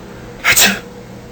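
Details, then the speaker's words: A single short, sharp, hissing sneeze over low background noise. "what is a sneeze according to Maran Webster dictionary to suddenly Force air out through your nose and mouth with a with a usual loud noise because your body is reacting to dust a sickness Etc"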